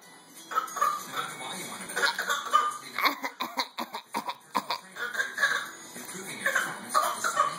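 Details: 7-month-old baby deliberately makes a string of short, light, throaty cough-like bursts; a playful fake cough, not illness.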